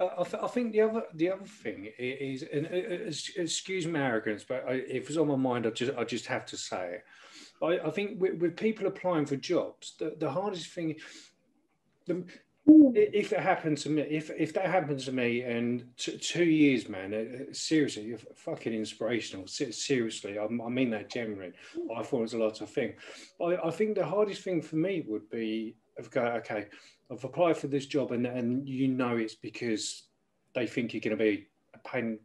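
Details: Adult male speaker (host); typical speech.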